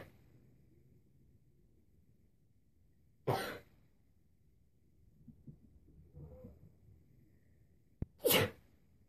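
Two sharp sneeze bursts separated by a few seconds of quiet room noise and faint breathing; ordinary sneezing.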